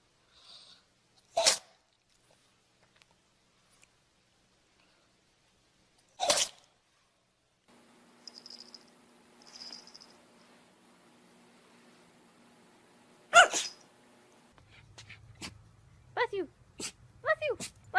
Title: Try Not To Laugh At These Funny Sneezing Dogs